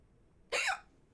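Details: Female streamer with repeated, persistent hiccups at the end of a gaming session; she suspects she ate her food too fast and says she'll drink some water; a single short, sharp hiccup in a quiet room; hiccups.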